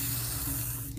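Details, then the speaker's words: Vapocoolant cold spray, a brief steady hiss over low room hum, applied to numb a sore toe before a quick incision and drainage. "you want me to do the cold first yeah but you have to kind of be ready you're not okay I'm going to spray this"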